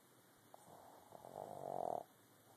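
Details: A short, rising, fluttering nasal snore on one breath that ends abruptly; snoring.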